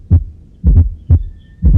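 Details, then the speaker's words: Educational cardiac auscultation example: a low heartbeat at about 60 a minute with an extra soft sound just before the first heart sound, demonstrating a fourth heart sound (S4). "el cuarto vídeo se escucha más o menos así"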